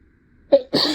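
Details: Acted sneezing fit in a simulated scenario of a teacher sneezing while teaching a class: a brief sharp intake and vocal burst, then a forceful hissing expulsion; sneeze.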